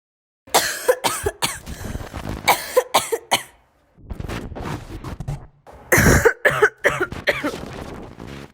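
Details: Two bouts of repeated harsh, forceful coughs from an adult, separated by a brief throat-clearing pause.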